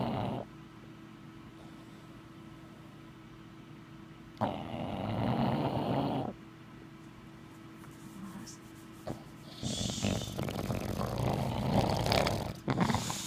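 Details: Sleeping bulldog, Moses, after a big day: low rasping breathing noises with a steady hum and some rustling in the background; snoring.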